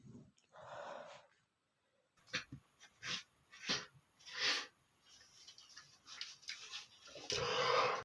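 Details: Adult man who is sick gives a series of short, sharp sneezes with quick breaths drawn between them; sneezing.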